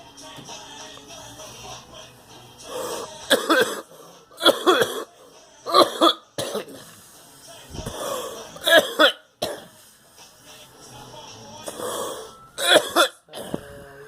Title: Coughing